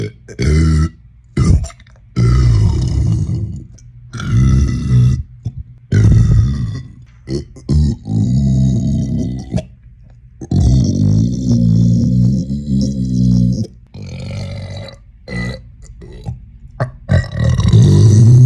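A run of loud, deep, drawn-out belches separated by brief pauses; repeated burping.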